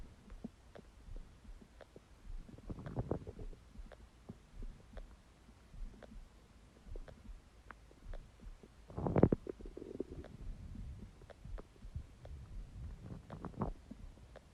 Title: Empty stomach growling sound | My Stomach Makes Noises